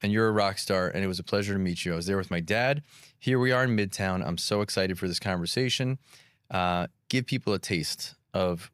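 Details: Adult male speaker; typical speech.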